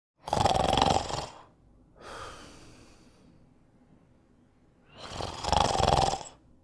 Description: Snoring sound. Male sleeping and snoring. Human sounds. Loopable.